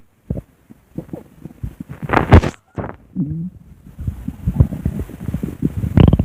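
Low gurgling, bubbling rumbles with creaky trills and a brief rising squeal; ordinary stomach growling.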